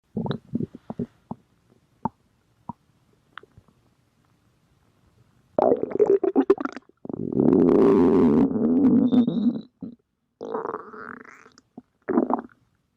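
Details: Gurgling clicks and a long, rolling growl from an adult's stomach: normal bowel sounds, stomach growling (borborygmi).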